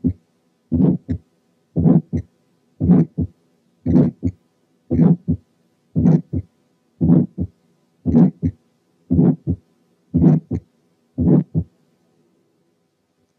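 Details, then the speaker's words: Ejection systolic murmur, regular heart sounds near 57 a minute: a diamond-shaped crescendo-decrescendo murmur in mid-systole, separated from the first and second sounds. "المامر اللي بالشكل ده اسمهم ايجكشن لانهم بيكونوا نتيجة الايجكشن اوف بلاد من أي فنتكل لأي جريت فيسل. نسمع كده ونركز على التايمينج والتشينج اوف انتنسيتي يعني السيبريشن من الساوندز والدايموند شيب."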